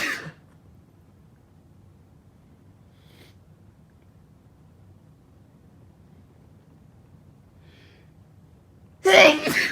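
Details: Repeated sneezing fit: two sharp, explosive sneezes separated by a long quiet pause.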